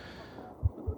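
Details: Heartbeat in a cuddling sleep-aid ASMR roleplay: two soft, low thumps close together, a single heartbeat pair, with a faint hum behind.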